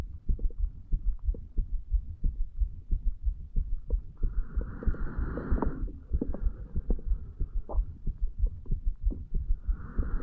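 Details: 35-year-old man's heartbeat recorded over the mitral area while lying in bed a few hours after going to bed, linked to alcohol: low thumps about 90 a minute, unevenly spaced, with occasional pauses; an irregular heartbeat with skipped beats.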